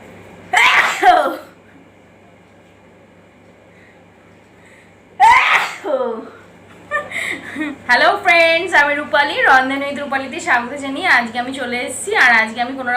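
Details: Two forceful sneezes several seconds apart, deliberately provoked with newspaper in a sneezing challenge, followed by talking.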